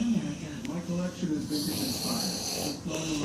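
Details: A male sleeping on a couch snores loudly and won't stop, with rough, rattling nasal breathing mixed with other sounds, as a 100W vape mod is held up to his nose.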